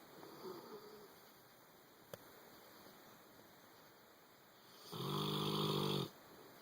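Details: A boxer dog that has settled into its owner's bed while asleep gives one loud, buzzing snore lasting about a second over quiet room noise; snoring.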